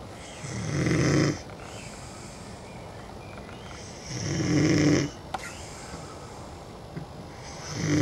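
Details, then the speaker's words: Man asleep outdoors on a patio under a curtain, snoring loudly: slow, rumbling snores on each in-breath, about one every four seconds, with quiet pauses between. "We're here to film the beastly bison who has fallen asleep in the garden under a curtain and is snoring his head off."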